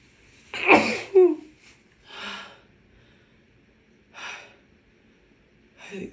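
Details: Woman with a bad cold: a sharp, explosive sneeze with a quick follow-up, then several softer breathy puffs; sneezing.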